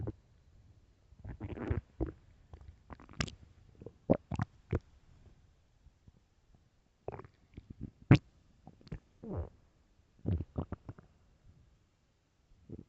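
Scattered low gurgles and sharp pops from the belly, ordinary stomach growling.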